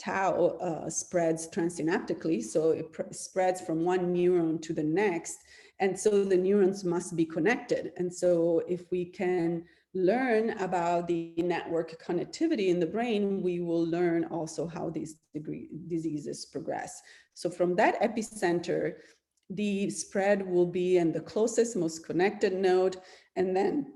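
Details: Adult speaker; normal speech.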